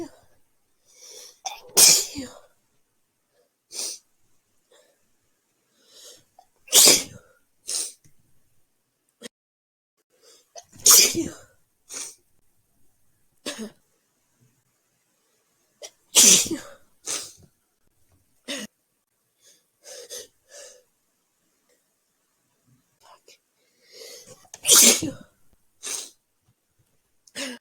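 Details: Adult sneezing five loud times, spaced several seconds apart with small sniffs and breaths between, set off by the lingering scent of a lit candle in a dorm room.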